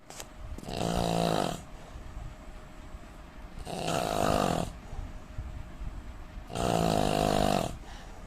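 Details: Indian man snoring: loud, buzzing snores on each breath in, three over eight seconds, with a faint steady tone in the room.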